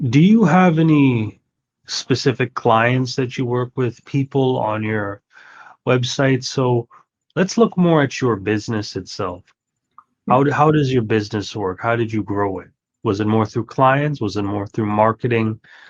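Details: Adult man, interviewer; typical speech.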